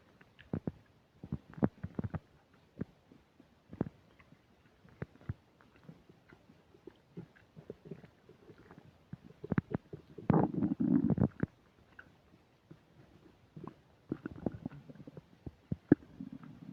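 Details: Stomach sounds while eating a burger and fish fries, described as upset digestion: irregular gurgling, popping and rumbling with a prolonged rumble; loud borborygmi during active digestion.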